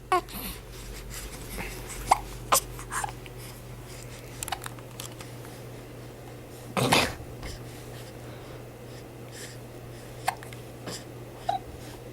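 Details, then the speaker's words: Two-month-old infant with hiccups while laughing: short, sharp, catchy hiccup sounds every few seconds, with adult speech, against a quiet room hum. "What are you doing? You got the hiccups? You're goofy. What are you laughing at? The hiccups usually make you mad."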